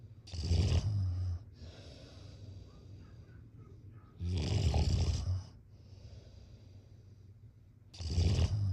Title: #snoring #snoringasmr #snoringsleepingsoundeffect #sleepnoises #snoringsounds